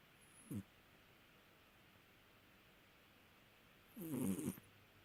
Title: Cat snoring! 😁